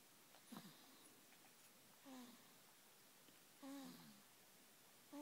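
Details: Sleeping female dog snoring with quiet whistling, squeaky snores on each breath, about one every one and a half seconds; harmless sleep snoring.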